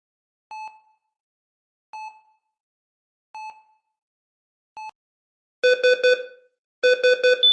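Sound effect of a bedside heart monitor giving steady single beeps, then louder rapid triple-tone alarm bursts.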